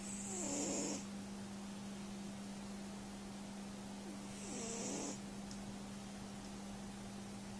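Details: Cat asleep in bed, said to snore almost whenever sleeping: two noisy, rattling breaths about four seconds apart (about 14 a minute) over a low hum: snoring.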